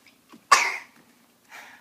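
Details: Single sharp cough from a young child in a diaper while playing, followed by a soft breath in a quiet room.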